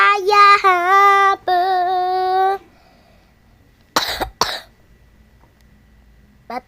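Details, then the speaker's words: A child's playful sung voice, then two short, sharp coughs and a brief third burst while playing Roblox; a plain dry cough in a child who keeps coughing. "guys lagi batuk Slik ini ada botol lagi botol ye sekarang aku udah bersayap"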